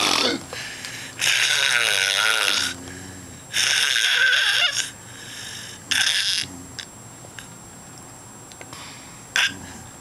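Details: Snoring recorded at night with choking sounds: loud, rough, rattling breath noises recurring about every two to three seconds, with quieter breaths between.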